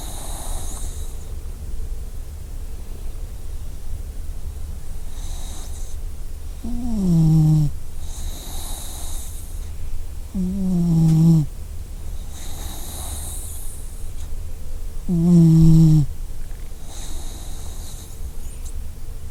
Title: Enjoy company with snoring puppy! | by WellBeBee 🌀